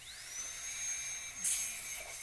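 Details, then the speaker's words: Dental drill cutting away from the walls to shape the axial wall of a class II preparation on a mannequin tooth, high-pitched whine rising to speed with a brief louder grinding burst. "Cut away from this wall, and away from this wall over here."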